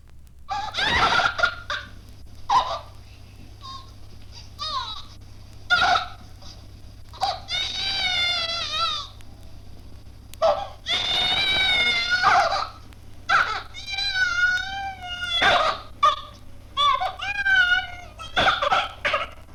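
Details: Immature cry of a child with Cornelia de Lange (Brachmann-de Lange, Amsterdam dwarf) syndrome, a condition marked by mental retardation; archival 1970 recording.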